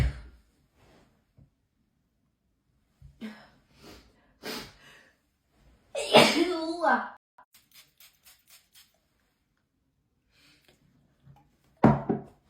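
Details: Hay fever sneezing attack, pollen allergy, in an edited loop: several forceful sneezes with gasping breaths between them; sneezing fit.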